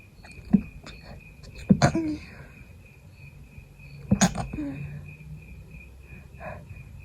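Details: Two sharp, held-back sneezes with short catches of breath and a steady room tone, from a person still sick with a persistent nasal tickle and no longer feverish.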